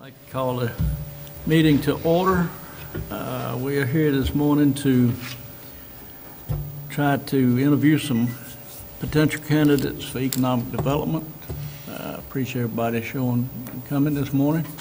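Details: Adult speaker; Typical voice.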